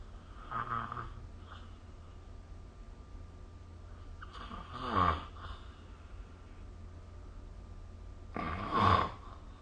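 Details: Snoring recorded with the SnoreLab phone app: rough snores on in-breaths, about three in ten seconds with a slow irregular rhythm, over a low steady room hum.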